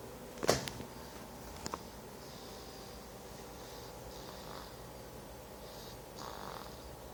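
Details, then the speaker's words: Young boy who fell asleep during lunch in the kitchen, snoring: after a sharp click, faint, soft rhythmic breathing noises in a quiet room. "I fell asleep while I was having lunch in the kitchen and he's currently snoring so if you turn your volume up pretty loud I think you can hear it"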